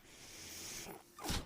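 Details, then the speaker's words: Mechanical ventilator of a man recording a podcast, heard in the background as he speaks: a steady airy hiss, a brief lull, then a sharp puff of air, repeating in the machine's rhythm. "hello everyone my name is brennan maher that noise you're hearing is my ventilator and welcome to paige turners they were not my star wars podcast"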